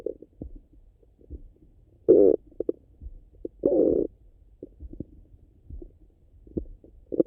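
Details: Stomach rumbling after breakfast: quiet gurgles with two louder, longer rumbling bursts from the abdomen; ordinary digestive bowel sounds (borborygmi).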